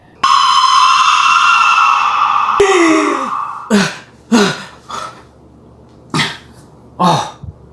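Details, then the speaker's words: Severe bout of hiccups: a long held vocal sound, then several short, abrupt gulping hiccups a few seconds apart, with spoken reassurance that it's just the hiccups. "calm down you're gonna be okay it's just the hiccups someone told me"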